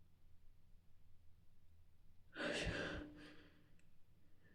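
A single loud, explosive sneeze rises out of a quiet room with a sharp burst of air, then a fading exhale.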